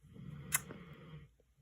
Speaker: oh my gosh my dog is snoring so loud so sorry if you can hear that um